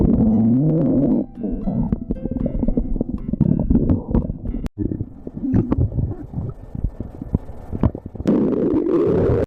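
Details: Stomach growling (borborygmi) from a woman.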